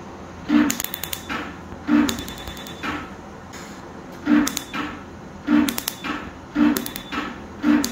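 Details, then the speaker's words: Candela PicoWay picosecond laser removing an eyeliner (upper-eyelid permanent makeup) tattoo, with eye shields in place to protect the eyeballs; sharp snapping clicks in short bursts about once a second. "यह दुनिया का सबसे advanced tattoo removal device है और यह Kandela company का बना हुआ है अमेरिकन"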